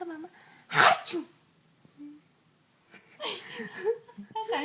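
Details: Mother making playful mock sneezes to amuse her baby, who laughs: two sharp imitation sneezes mixed with soft talk, not a real sneeze.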